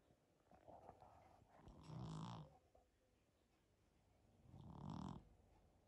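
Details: Persian cat napping: slow, deep, low rumbling snores about three seconds apart, like an elderly man's snoring, faint background noise; snoring.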